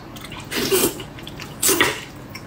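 Two sharp, breathy bursts about a second apart over faint room noise, consistent with two sneezes.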